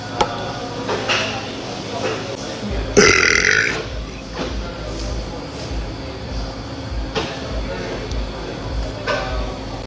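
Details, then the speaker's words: Woman burping in a corset at a restaurant: one loud, drawn-out belch with a few shorter throaty bursts around it, over room noise and faint music. "Burps in a corset. Burping at a restaurant."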